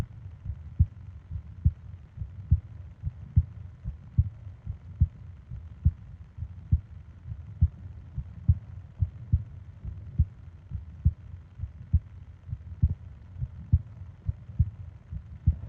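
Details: Normal heart rhythm: steady, regular low thumps at about 70 beats a minute over a soft hum, from a 20-minute ASMR sleep-aid recording of heart and breathing sounds.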